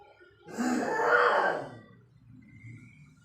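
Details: A single drawn-out, voiced, groaning cough from an adult man, with a low lowing quality like a cow's moo; an unusual cough.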